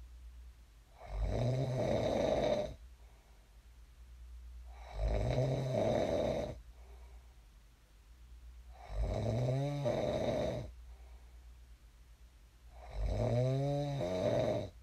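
Four steady, loud, fluttering snores at about 15 breaths a minute, with quieter breathing out between them; snoring.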